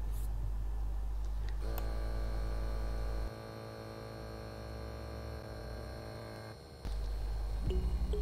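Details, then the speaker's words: Withings BPM Connect automatic upper-arm blood pressure monitor, arm relaxed and supported at heart level: steady pump motor whine as the cuff inflates after the start button is pressed, low hum before and after. "Luego se pulsa el botón para encender el dispositivo y otra vez para comenzar la medición."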